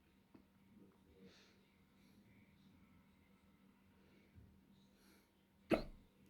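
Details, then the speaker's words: A single sharp hiccup against quiet room noise, with faint breaths before it, one in a series of ten hiccups; hiccup. "I have hiccups. 1. I'm going to do 10 hiccups."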